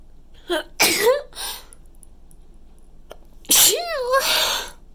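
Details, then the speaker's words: Desperate, tickly buildup with breathy catches and stuck sneezes, then a short sneeze and one loud, forceful, very wet, messy sneeze; repeated sneezing in a quiet room. "Oh god, I need to sneeze. Oh, it's so tickly. It's stuck. I need to sneeze so bad."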